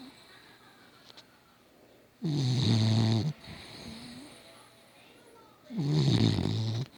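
Two loud, deep, rumbling snores on breaths in, several seconds apart, with quiet breathing between; heavy snoring in a sleeping dog.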